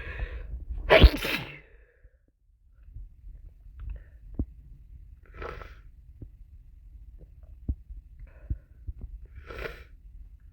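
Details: Adult sick with a cold; one forceful sneeze, then sniffling and two softer sneeze-like bursts.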